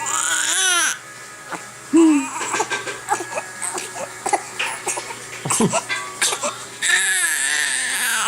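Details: Infant with hiccups crying while held and kicking, given fingers to grab; loud crying in bursts with pauses and brief whimpers, adult voice faintly heard.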